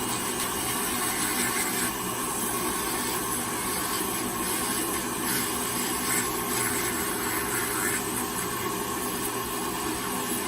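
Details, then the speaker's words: Steady high-pitched whirring hiss of a rotary nail burr grinding down a thick, layered, possibly fungal toenail of an older diabetic man with a prior stroke. "Okay. All right. Looking better. I'm gonna grind it down real well."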